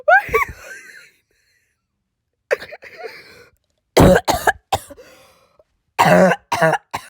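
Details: Person who says they are very sick coughing: about eight harsh, explosive coughs in separate clusters with short quiet gaps, some ending in a voiced, throaty tail.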